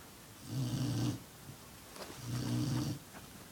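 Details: Low, rumbling snores on each breath in, roughly 35 breaths a minute, from a sleeping 6-month-old black Labrador in a quiet room.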